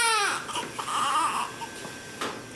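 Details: Newborn boy's cry just after delivery: a loud, high-pitched wail that fades into room sounds and soft talk, a normal strong cry. He is then weighed and latches on to breastfeed.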